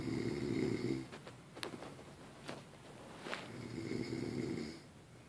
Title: snoring